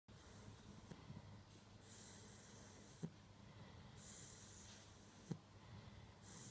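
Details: Sleeping 10-week-old Dogue de Bordeaux puppy on a bed, noisy snoring breaths with airy hissing and brief snorts, about 26 breaths a minute.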